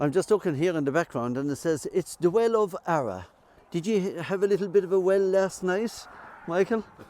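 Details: Adult male speaker; ordinary speech.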